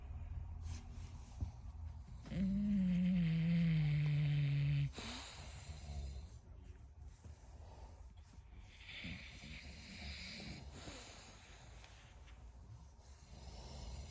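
One loud, drawn-out rumbling snore on an in-breath, then quieter snuffly breathing over low background hum. Snoring in a sleeping bulldog.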